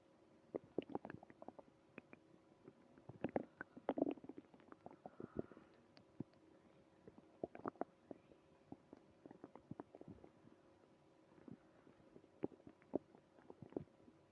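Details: Quiet gurgles, pops and rumbles coming and going irregularly over a still background, heard early in the morning: ordinary stomach growling, normal bowel sounds.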